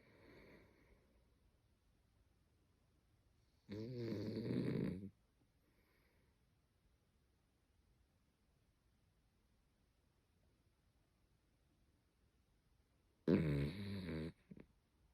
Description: Get ready to laugh and smile as you watch this hilarious video of a snoring hound! This adorable pooch snores like a human, making for a truly comical sight.